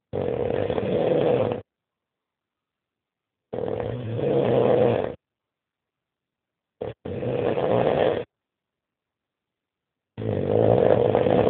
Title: Вот это храп / Here is snoring.mp4